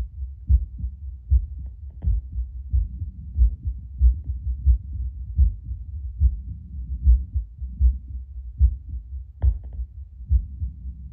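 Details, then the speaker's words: An adult's own heartbeat through a Bluetooth Littmann CORE stethoscope about two minutes after drinking espresso. The beat is steady and regular at about 80 per minute; the rate is little changed but the beats sound a little stronger. Normal heart sounds. "It's very relaxing. Just like listening per minute doesn't seem to have changed too much. Sounds like my heart's just beating a little bit stronger."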